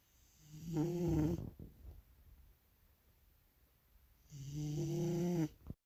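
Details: Sleeping bulldog: two loud, rattling snores about four seconds apart, each a long buzzing inhalation through the nose and throat; ordinary dog snoring.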